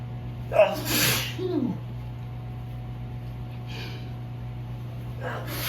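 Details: Adult with allergic sneezing triggered by ragweed-filled evening air after allergy medication wore off: a sharp inhaled catch, then a loud, forceful explosive sneeze, followed by quieter breaths.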